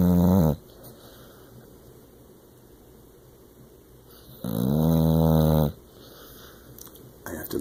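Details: Two loud, buzzing, voiced snores about four seconds apart in a quiet room, from a sleeping dog tired out after a day of hiking.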